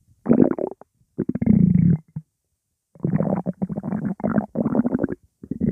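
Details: Loud, non-stop gurgling stomach rumbles in long bursts with brief pauses, with background music; active bowel sounds (borborygmi).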